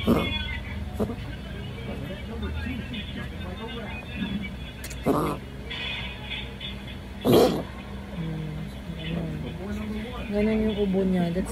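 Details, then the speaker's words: A Shih Tzu coughing for 2–3 days, as if about to vomit, while being treated with medicine; reverse sneezing is suspected. Two short, harsh honking coughs over room and street noise. "Ayan na ayan siya inubo siya."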